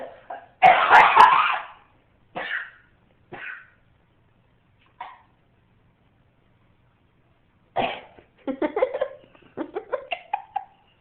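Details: Young child coughing on the floor: a harsh cough burst, then several single coughs and a run of short voiced throaty sounds.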